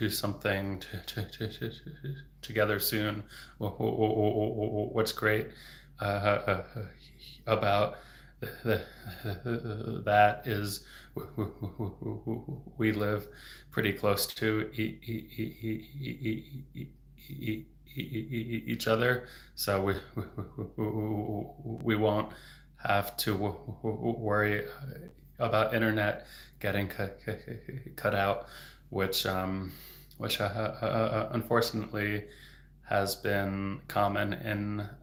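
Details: Real developmental stuttering in an adult male speech-language pathologist who has stuttered since age 8, heard stuttering openly with word repetitions.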